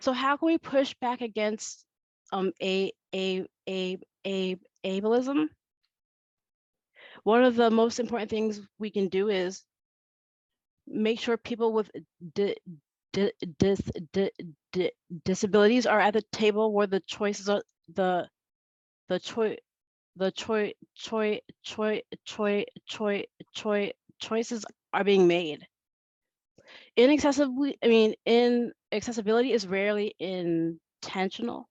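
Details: Adult woman who has stuttered since she could talk, with stuttering present throughout; phrase repetitions heard here; stuttering.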